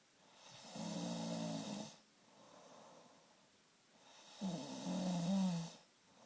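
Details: Adult husband's nightly snoring, recorded in a dark bedroom while he slept: two slow, low, rumbling snores on breathing in, each about a second long, with quiet breathing out between; ordinary snoring.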